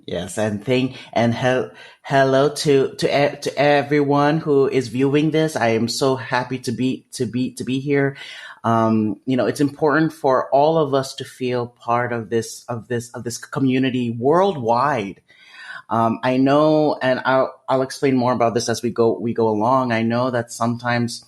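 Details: Adult male with developmental stuttering, which he describes as a speech disfluency; stuttering.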